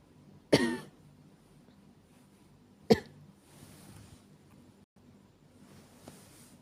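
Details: Acted, not real, night-time cough from an adult woman whose coughing won't stop; two separate coughs, each followed by a soft breath in a quiet room.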